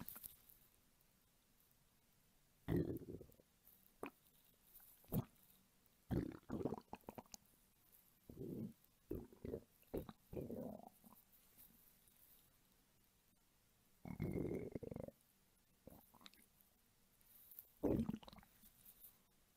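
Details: Erica, an adult woman, hungry, belly and stomach rumbling recorded as ASMR: irregular gurgling and rumbling bowel sounds; hunger-related borborygmi.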